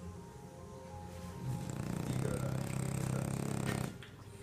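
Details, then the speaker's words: French bulldog asleep: low, buzzing, rattling snore with fast fluttering vibration, building then fading; snoring. "Hey, you are snoring."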